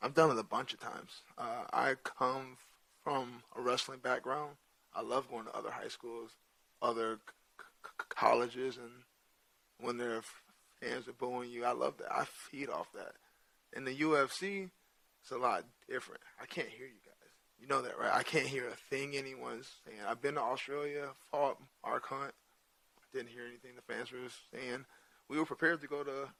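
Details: Adult male with stuttering present since childhood, which he says is hereditary (his father also has a speech impediment) and not caused by CTE; he says he largely got over it by around age 27–28.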